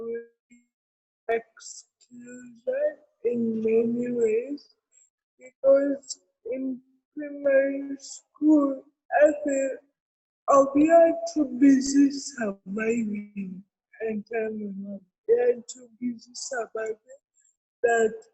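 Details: Adult woman with cerebral palsy present since birth, real speech in an interview; dysarthria (cerebral palsy).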